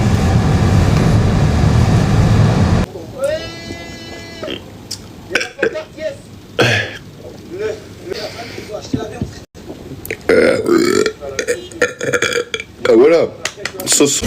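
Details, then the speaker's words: Loud, drawn-out belches from guys, some with a croaking voiced tone, after a stretch of loud noise, with laughter and chatter around them; burp compilation. "Oh my god, that was big."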